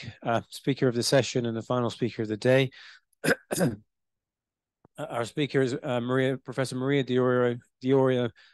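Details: Adult male speaker; normal voice.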